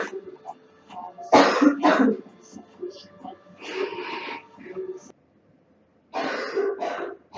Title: Girl Coughing 406